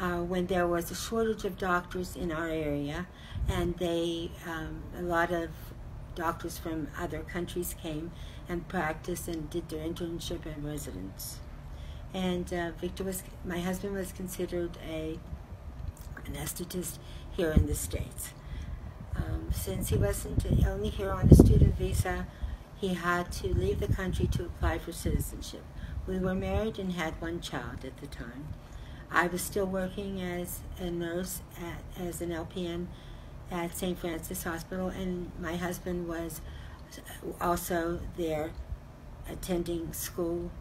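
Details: Adult woman; normal speech.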